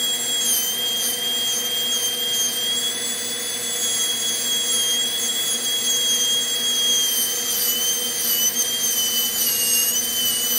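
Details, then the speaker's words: Steady high-pitched whine running continuously: high-speed dental drill bevelling the preparation, about 1 mm facial starburst bevel, on extracted tooth #4 mounted in a typodont for a MOD direct composite onlay. "so for the facial we're going to bevel it in a similar manner about a 1 millimeter wide bevel and then we're going to modify that facial bevel into a starburst bevel"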